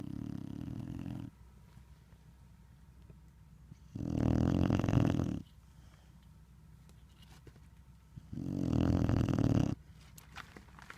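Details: Snoring in a sleeping dog, Lincoln, at Big Lake: long, low, rumbling snores, three in about eleven seconds, with quiet pauses between.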